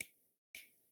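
Two sharp finger snaps imitate the crisp, high-pitched opening snap of a heart valve.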